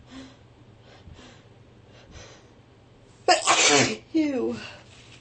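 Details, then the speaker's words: Person with a persistent nose tickle: soft sniffs and breaths, then a loud explosive sneeze followed soon by a second burst. The sneezes won't stop, and they say their throat and chest hurt and they can't breathe. "The sneezes won't stop."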